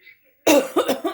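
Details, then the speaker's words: Adult woman's chronic cough that will not go away and keeps returning despite home remedies. "кашли не проходит вообще у меня опять что-то стал кашель мучит меня"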